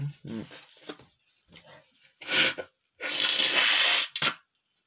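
Several loud, abrupt hissing bursts, each after a short breath in; repeated sneezing in a man who reports a perfume allergy.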